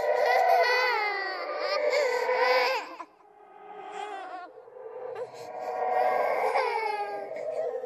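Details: Horror sound-effect track of a ghost baby crying: loud, sustained wailing cries broken by a short gap and a brief whimper; infant cry.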